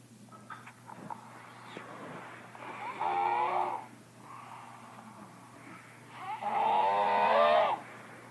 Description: I think that's one of the funniest snoring ever